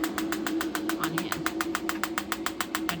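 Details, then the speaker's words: Shockwave therapy on an unsedated 5-year-old Thoroughbred ex-racehorse, setting 30, metal applicator headpiece five, frequency lowered from 8 to 7 Hz, along the spine, preset 2500 shocks: rapid regular clicking pulses about seven per second over a steady mechanical hum. "it says 8 Herz and yeah you can turn it down to seven just going to slow down the speed of pulse a little bit and then here we go now we're using just the metal applicator"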